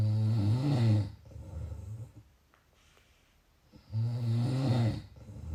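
Two deep, rumbling snores on the in-breath, a few seconds apart, with a quieter breathing-out pause between them.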